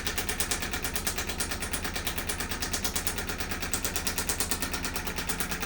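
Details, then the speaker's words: Radial shockwave therapy device pulsing on the elbow for a chronic condition; rapid, steady mechanical tapping pulses, about three per second, sending sound waves into tissues to break up adhesions. "And again, as you hear this in a moment, you're going to hear some pulsing sounds, and that is just the instrument sending sound waves into those tissues, breaking up adhesions."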